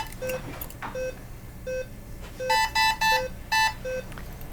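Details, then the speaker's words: Bedside ECMO equipment alarm in a simulated ICU scenario after oxygenator change-out on a 64-year-old man on VV ECLS for respiratory failure and pneumonia: repeating electronic beeps, lower tone alternating with louder higher bursts. "Silence that alarm for us."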